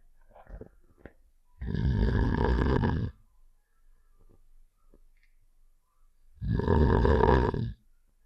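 Two long, loud, rough snoring breaths separated by quiet pauses; snoring sound effect from a game.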